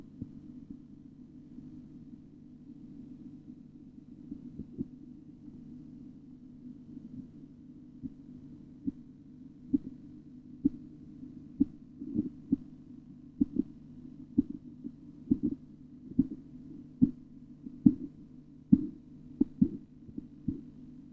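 Faint low hum gives way to regular tapping beats that grow louder, the Korotkoff sounds of blood pressure measurement.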